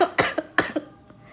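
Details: Two short, sharp coughs, each ending in a brief second burst, from an adult who has a cough but is still eating iced dessert.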